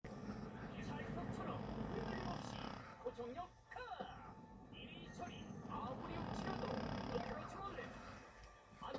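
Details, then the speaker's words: An 11-year-old Chihuahua snoring while asleep: long, rough, rumbling breaths with brief quiet gaps between them. "여러분, 강아지가 코 고는 소리 들어보셨나요? 우리 콘이 11살이에요. 나랑 살다 보니 코 고는 것까지 배웠어요."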